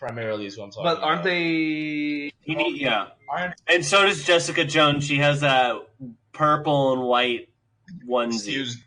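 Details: Speech of a man with cerebral palsy; he says he does not have a stutter.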